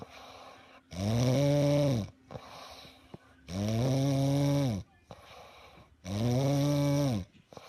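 Three long, loud, rumbling snores on each breath in, about 23 a minute, with quiet breaths out between: snoring.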